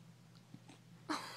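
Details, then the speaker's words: Puppy (female) with hiccups, tired from them; owner says she is inhaling air too quickly. "little baby got the hiccups oh it's okay oh you are so cute are you done done with your hiccups"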